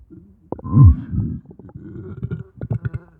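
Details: Stomach growling, audio only: low gurgling and rumbling with a brief pitched groan from gas and fluid moving through the gut; borborygmi.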